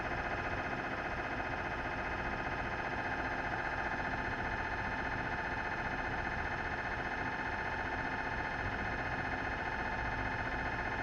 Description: Philips 1.5T MRI sounds filmed inside the scan room. Enjoy the rhythmic sounds of magnetic resonance imaging with this latest video request.